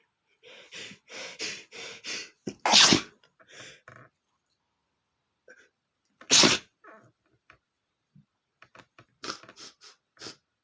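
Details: Male sneezing after smelling flowers; several stifled, held-back sneezes, then two full explosive sneezes with sniffing and breathing between them.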